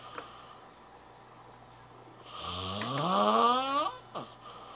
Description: A college student caught snoring...